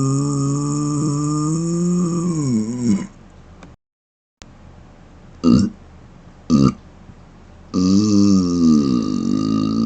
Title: Closed Mouth Burps #1 ( Viewer Requested )